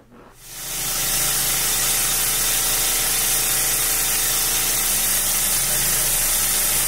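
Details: Neonatal nose suction machine for clearing aspiration in French Bulldog puppies, tested after unboxing: a steady loud hissing motor hum after switch-on as the suction pump runs continuously.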